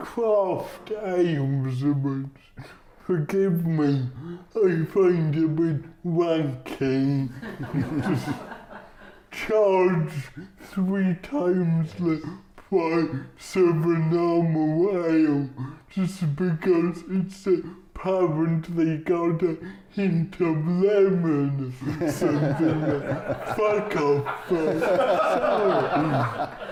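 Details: Adult male comedian with cerebral palsy; dysarthria (cerebral palsy).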